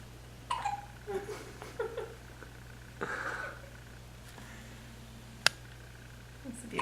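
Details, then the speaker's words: A dog relaxing on a couch gives short, abrupt hiccup sounds; hiccups. "listen close a little Bethany's got the hiccups which we find quite funny actually"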